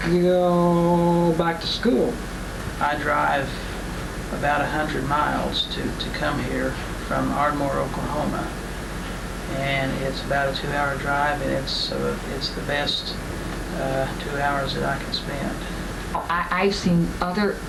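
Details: Adult person who stutters and attends a stuttering support group, in a 1988 recording.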